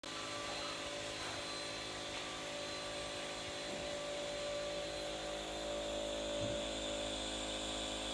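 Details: Compressor nebulizer running steadily while Fred, a dog with a cough, wears a breathing mask for nebulization; mechanical whirring hum throughout, no clear breathing or coughing.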